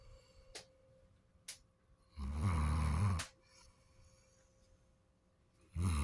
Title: Snoring Daisy